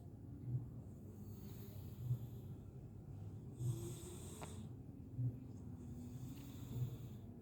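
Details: Domestic village cat snoring while soundly asleep: soft, low, regular snoring breaths, five in about seven seconds, over steady background noise.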